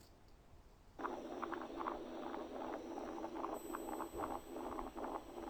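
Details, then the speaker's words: Continuous rumbling murmur swelling with each beat at about 73 a minute, stethoscope diaphragm at the left infraclavicular area; machinery murmur of patent ductus arteriosus. "الكيس الرابعة دي سهلة جدا وحل نفسها left infraclavicular area، خلاص ديت BDA machinery murmur."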